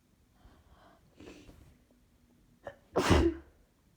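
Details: Female sneeze attack attributed to allergy: soft indrawn breaths building to one loud explosive sneeze.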